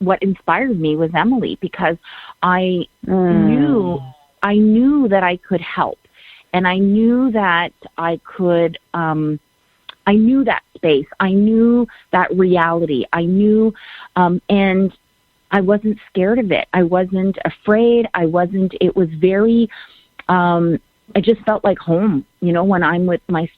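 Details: Adult woman, telephone-quality line; Normal speech.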